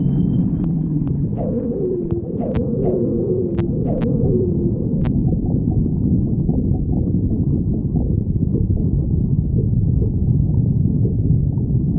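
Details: Stomach growling (borborygmi): low rumbling gurgles with brief squeaky, wavering tones in the first few seconds over a steady deep rumble.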